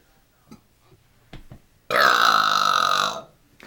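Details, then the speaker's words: Long, loud, voiced belch lasting over a second after a few faint mouth sounds; deliberate burping, person still burping. "oh face it at me tk oh your finger's in the way oh it's still burping it's not at me oops nice"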